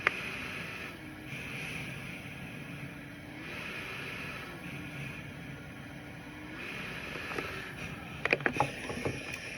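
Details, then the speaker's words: ResMed AirSense 10 stationary CPAP machine set to 18 cmH2O, worn by the user with a mask: a steady airflow hiss and a low motor hum that shifts slowly with the breathing cycles. "That's going to be the sound that's generated when you're using your stationary device."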